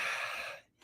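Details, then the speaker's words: Adult still coughing a week after an emergency room visit, after finishing antibiotics and steroids: a single short, harsh, hissing in-breath lasting about half a second, a persisting noisy inspiration. "I finished up the antibiotics. I finished up the steroids, but this you can hear it when I breathe in. It remains. And I'm still coughing."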